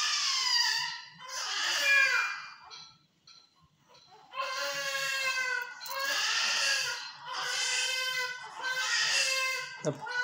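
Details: Extremely preterm 22-week, low-birth-weight newborn on NICU day one in incubator care, being massaged with gauze. Repeated high-pitched wailing cries with short pauses, with faint room noise: preterm infant cry.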